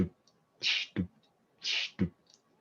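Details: Vocal imitation, not a real recording, of an early systolic murmur, which can occur in early mitral regurgitation: each low thump followed by a brief hissing whoosh.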